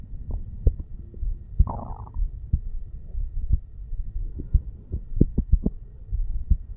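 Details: 35-year-old male's self-recorded heartbeat at the bicuspid (mitral) valve area while sitting on stairs: steady low thumps at about 60 per minute with some rubbing and handling noise; normal heart sounds.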